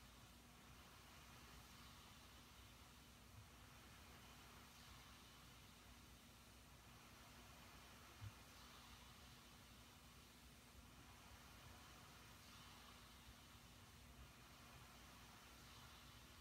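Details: CPAP machine running during sleep: steady airflow hiss and low motor hum, with no snoring heard.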